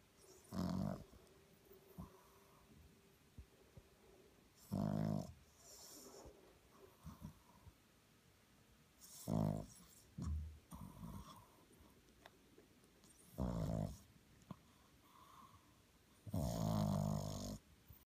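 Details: 12-week-old French bulldog puppy sleeping with eyes open and snoring: short, grunting, rattling snores, about six in 18 seconds, with soft breathing noises between.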